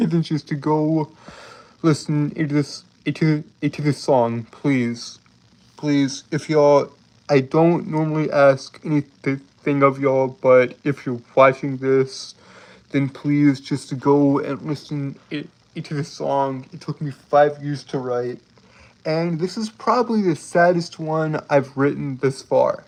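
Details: Man who reports a speech impediment causing him to stutter and trip over his words, with repeated phrases in this stretch; stuttering.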